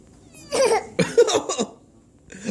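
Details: About three harsh, loose coughs in quick succession, then quiet; a child's cough.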